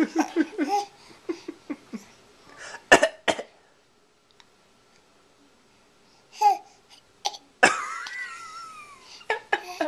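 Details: Young child giggling and giving a few short, deliberate pretend coughs between laughs, recorded on a Flip Video camcorder; voluntary fake cough.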